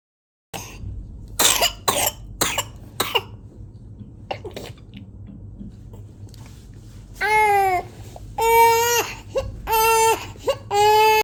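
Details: A child with pertussis has a run of short, dry coughs followed by long, strained, high-pitched drawn-in breaths and crying; paroxysmal whooping cough.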